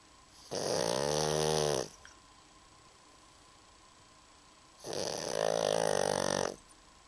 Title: snoring pug